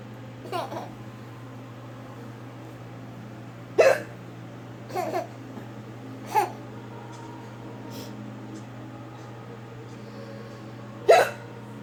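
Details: Mother with hiccups while her baby laughs at her: five or six sharp, brief hiccup bursts at irregular intervals over about twelve seconds, faint hum behind; hiccups.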